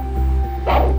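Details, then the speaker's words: Handheld Doppler over the brachial artery at the antecubital fossa, in a woman with exertional calf pain relieved by rest, during ankle-brachial index testing: a single pulsatile whooshing signal over steady hum, a normal triphasic arterial Doppler signal before cuff inflation. "are hearing a normal 3 phasic pulse when we inflate the blood pressure cuff we no longer hear a single"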